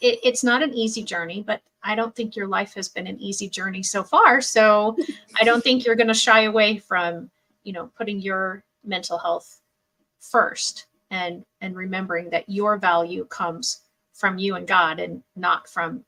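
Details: Adult woman; normal speech.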